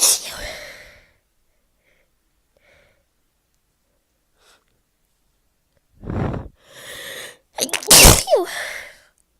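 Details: Person with a cold/flu for several days, with high temperature, sore throat, voice loss, coughing, dizziness, loss of taste and heavy congestion: a forceful sneeze, a pause, a sharp in-breath, then a second explosive sneeze.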